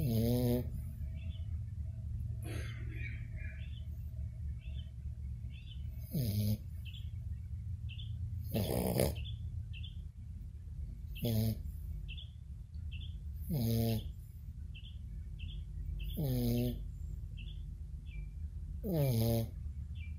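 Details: Snoring: regular short snorting snores, about 23 a minute, over constant low room noise with occasional faint chirps.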